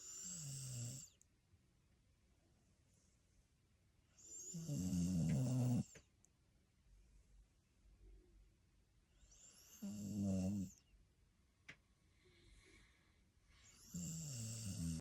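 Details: A sleeping Australian Shepherd dog snoring while camping: loud snoring snorts, about four over fifteen seconds, each a low, rough rattle with a hissing edge, separated by quiet pauses.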